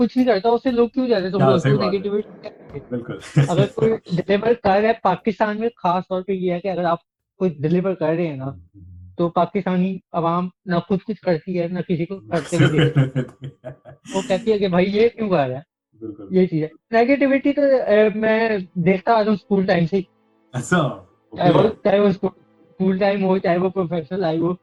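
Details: Adult man with cerebral palsy speaking Urdu; speech in cerebral palsy.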